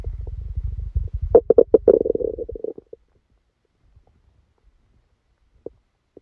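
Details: About three seconds of rapid bubbling gurgles and low rumbling, then near silence with faint pops: active bowel sounds during a stomachache after Christmas dinner, recorded while the person was sleeping.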